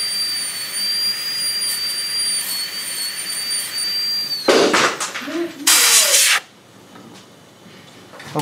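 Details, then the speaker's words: High-speed dental handpiece with a 330 bur making the initial amalgam-style cut of an MOD ceramic onlay preparation on tooth #18 of a typodont (simulated): thin steady whine, then loud hissing spray and cutting bursts. "I have in the handpiece right now a 3:30 bird we're going to switch over to our high speed"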